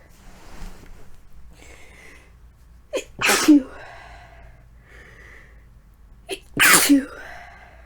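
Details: Two forceful sneezes, each preceded by a short catching breath, in a quiet room; deliberately induced sneezing during a lingering cold that is not progressing normally, with throat symptoms and coughing.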